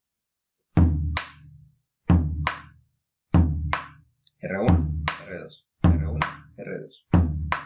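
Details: Simulated heart sounds played on regional musical instruments for a semiology class on cardiac auscultation; normal first and second heart sounds.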